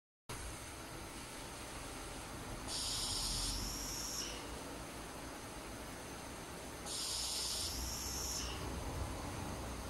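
Steady motor hum with two timed airy hiss bursts, a ventilator delivering breaths about 14 times a minute.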